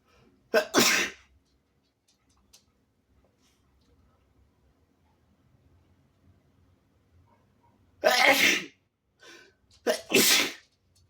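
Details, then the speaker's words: Sick person with a sensitive nose gives three induced, explosive, spraying sneezes, each preceded by a short in-breath and separated by quiet pauses. "I'm sick, but I don't used to sneeze naturally, so I have to induce. Hope you don't mind."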